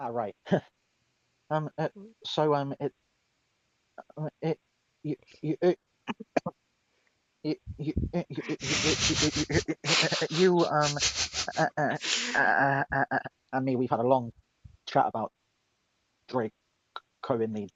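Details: Stuttering in a woman who says she is mocked for her stutter; it is described as her speech impediment.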